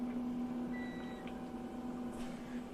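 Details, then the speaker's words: Whistle from the pressure relief valve of a humidifier fitted to a home oxygen concentrator, over a steady machine hum. Flow is turned up and the outlet plugged to test the seal; the whistle means the unit is holding pressure. "Now I can hear some back pressure. I can hear it whistling out of the top. So we know we got a good seal there because we're dropping pressure into here."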